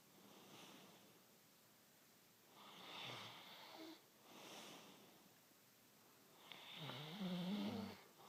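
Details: Dog named Elvis snoring in sleep; regular breathing with rough, whistling snores on each in-breath, about one breath every two seconds.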